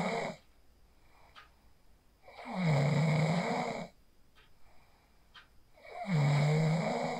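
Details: Person asleep after practicing 4-7-8 breathing (inhale 4, hold 7, exhale 8), recorded on a phone: two loud, rough inspiratory snores, about 17 breaths a minute, with quiet exhalations between.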